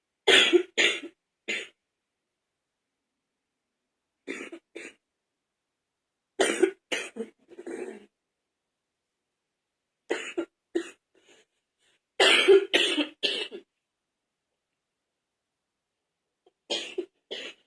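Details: Candid adult wet cough during a cold last year: six short bouts of two to four harsh coughs with a loose, wet quality.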